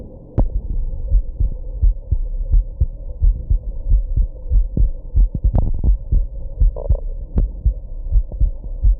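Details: Heartbeat with hiccups after smoking and drinking a little at a birthday: steady low thumps of about 86 a minute under a constant hum, with a few sharper interrupting hiccup jolts.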